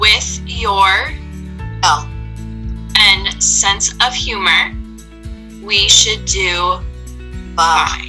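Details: Adult woman at an aphasia recovery center who knows what she wants to say but sometimes cannot find the right word; aphasia.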